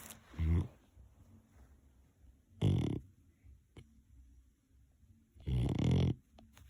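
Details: Sleeping Mastiff snoring and twitching, owner unsure if normal: three loud, rough, rumbling snores with quiet breathing between them.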